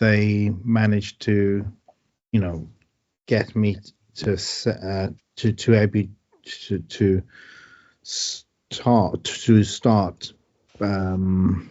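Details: Aphasia in a man after a stroke, with word-finding difficulty and great difficulty with numbers.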